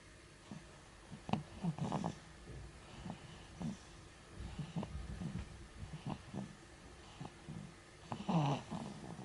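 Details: Light snoring in a sleeping infant about 2 months old: faint irregular snorting and snuffling breath sounds with short grunts.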